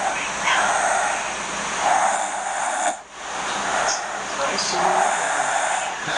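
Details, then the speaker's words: Pregnant woman at 27 weeks snoring during sleep, recorded by partner on phone: repeated rough, noisy breathing sounds, thin and hissy from playback. "so i recorded her last night while she was asleep snoring because she claims that she don't snore it's the baby"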